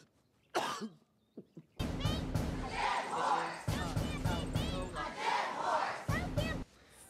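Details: Repeated harsh, wet-sounding coughing bursts from an actor in a TV series scene, with background music and voices; a staged, simulated cough.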